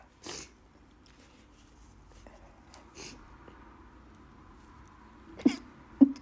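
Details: Person with bad allergies: several sharp, forceful sneezes with short pauses and room hum between them; repeated allergic sneezing.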